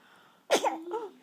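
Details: A single abrupt infant sneeze with a sharp burst of air, followed by a brief voiced trailing sound.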